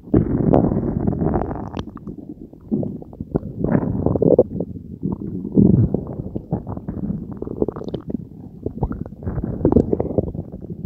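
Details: Belly gurgle ASMR recording after drinking Diet Coke with Mentos: continuous low rumbling and gurgling with bubbly pops, active bowel sounds of normal digestion.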